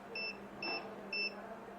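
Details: Three short, evenly spaced high-pitched beeps from a Chinese ultrasound physiotherapy therapy machine for joint, knee and back pain, as output intensity is raised after gel is applied, over faint room hum; therapy machine beeps.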